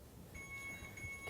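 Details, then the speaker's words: Electronic infusion device alarm during IV fluid therapy, demonstration with hourly IV site checks: faint, steady high-pitched electronic tone signalling that the line's patency should be checked. "If the alarm on the electronic infusion device sounds, assess the patency of the system."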